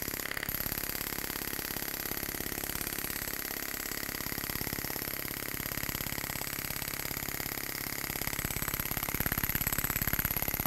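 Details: Storz Medical radial shockwave device with Spine-Actor transmitter, used for paravertebral musculature, trigger points, muscular imbalance and pain: rapid, steady mechanical tapping, about 207 pulses a minute, over a faint high whine.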